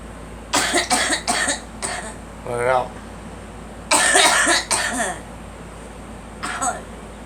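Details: A girl gives several short bursts of coughing and throat clearing in short runs, with quiet room noise between, as a parent urges her to keep letting it out and mentions pollen.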